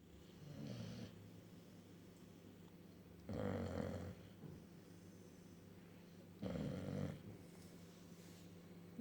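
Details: Bulldog asleep, three loud, rough, low snoring bursts a few seconds apart over steady background hum; dog snoring.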